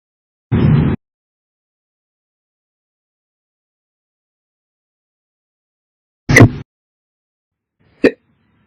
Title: 8/31/21, Slow Hiccups Updated